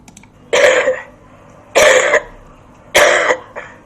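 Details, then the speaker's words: Three loud, explosive adult coughs with a short trailing fourth, from a tuberculosis-negative patient, studio-microphone recording in a fairly noisy setting: cough (TB-negative). "That was TB negative. So we found that although to the human ear there were no obvious systematic differences, we were able to discriminate between the coughs of TB sufferers and the coughs of patients with other lung ailments using machine learning algorithms."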